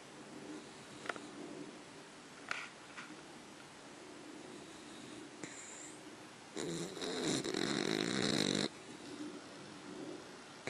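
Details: Soft, low snoring breaths while sound asleep, with a louder, rougher snorting stretch lasting about two seconds.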